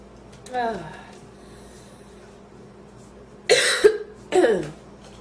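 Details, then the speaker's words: Coughing fit after inhaling part of a sandwich, still feeling food in the windpipe, lightheaded, painful: a short vocal sound, then two strong, harsh coughs clearing the airway; a renewed fit after thinking it was over. "i thought i was done and then i went right back into another coughing fit oh it hurts"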